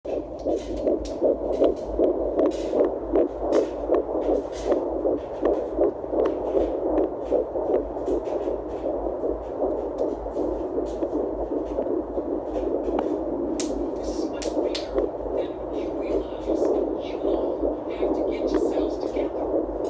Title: Finding Baby's heartbeat on fetal Doppler at 10 weeks.